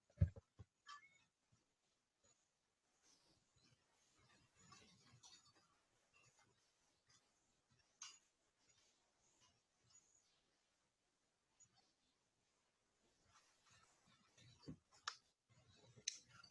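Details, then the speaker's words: Soft, low-pitched breathing through a stethoscope with some handling clicks: normal vesicular breath sounds, no silent gap between inspiration and expiration, teaching example. "por isso que é sempre importante fazer uma análise comparati então vamos escutar o murmúrio vesicular"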